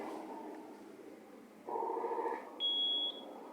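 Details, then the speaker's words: Ventilator leak alarm on a Zoll mechanical ventilator during a training demonstration: a leak is deliberately created in the circuit so pressure keeps falling, triggering a short, high electronic alarm tone over a hum and faint music. "y si hay una fuga la presión no se mantiene ahí sino que sigue bajando gente voy a tratar de generarnos para que ustedes se den cuenta qué tipo de alarma sal"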